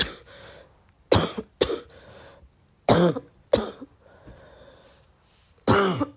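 Five harsh coughs in pairs with a loose, rattling quality, consistent with a wet, productive cough.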